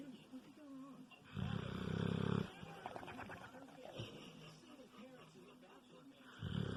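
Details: Kilo, a bulldog (short-nosed dog), snoring: loud, low rumbling snores with a fluttering lip-flapping quality between quieter noisy breaths.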